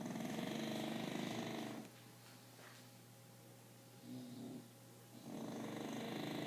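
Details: English Bulldog sound asleep: loud, buzzing, rattling snores with a quieter stretch between breaths; snoring.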